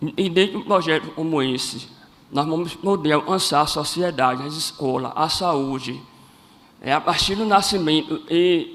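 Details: Adult man born with cleft lip and palate; first surgery at age 5, second at about 18, and his voice never fully rehabilitated; cleft palate speech.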